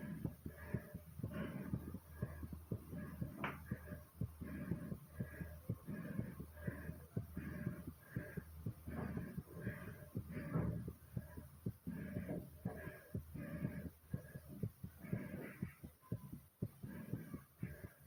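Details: Fast, pounding heartbeat with quick, hard breathing after exercise: a normal racing heart, sinus tachycardia.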